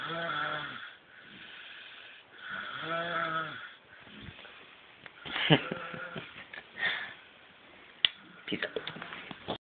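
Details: Snoring: nasal, whistling snoring sounds repeating on the breaths, with rustling noise between them.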